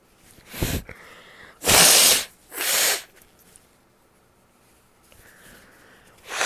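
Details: Three loud, explosive sneezes in quick succession with sniffs between, then quieter nasal breathing; ordinary sneezing.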